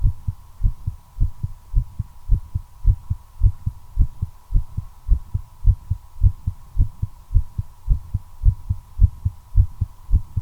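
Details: Regular, rapid, low heartbeats at about 107 per minute while the person smokes a cigarette, tachycardia attributed to nicotine, under a steady hum.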